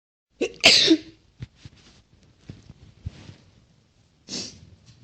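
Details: Sneezes: a short in-breath, then a loud hissing sneeze, a few small sounds, and a second, softer sneeze.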